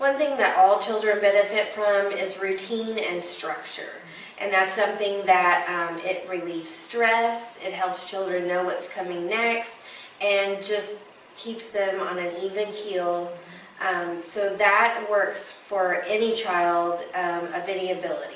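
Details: Adult woman speaking; typical speech.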